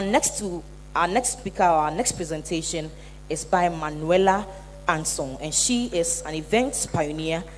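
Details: Adult woman speaking; Typical speech.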